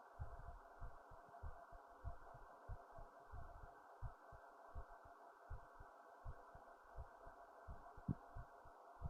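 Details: Muffled low heart thumps at a quick rate over a steady hum: racing heartbeat recorded with a headphone microphone after standing up, with fast breathing.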